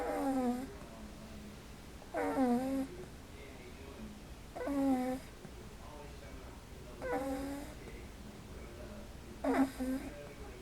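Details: Seven-week-old English Bulldog puppy asleep, owner expects it may need CPAP: loud, buzzing snores at regular intervals, about five in ten seconds, with quiet breathing between; steady snoring.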